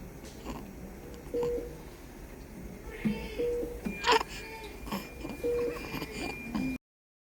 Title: Neonatal Inspiratory Stridor: Vallecular Cyst on Ultrasound & Endoscopy